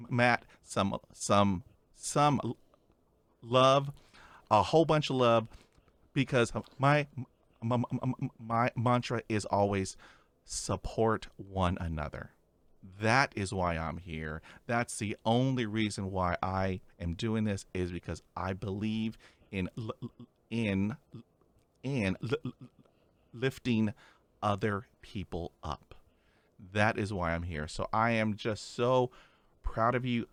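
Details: Real, natural conversational speech from a male podcast host who stutters; part-word repetitions of an initial sound are heard; stuttering.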